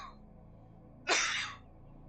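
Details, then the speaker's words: A single abrupt, harsh, half-second cough from a streamer who reports frequent asthma attacks. It sounds slightly distant because the mic is above their head, against quiet room noise. "I'm so sorry for my frequent asthma attacks. Good thing I'm putting my mic above my head so I don't have to hear that much of it."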